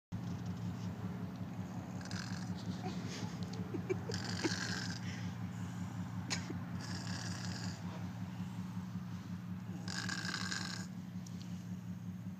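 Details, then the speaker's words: Person snoring after eating chocolate and falling asleep: steady low rumbling snore with softer raspy breath noises each cycle, over a constant background hum. "eat some chocolate falls asleep snores that's nice and that's fine"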